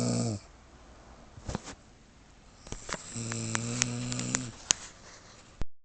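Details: Sleeping woman: a loud rough snore opens, then a second vibrating snore a few seconds later, with faint room noise and clicks between; snoring.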